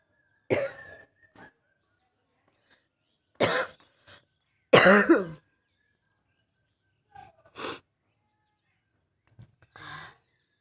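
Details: Coughing challenge on a rooftop by an adult with a real cough from a cold, throat burning and breath catching: several harsh, forceful coughs in short clusters, about six bursts, with brief gaps.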